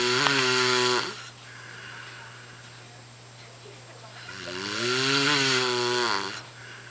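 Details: Adult man asleep on a couch after a very long workday: two loud, harsh, drawn-out inhaled snores about five seconds apart over a steady room hum; snoring.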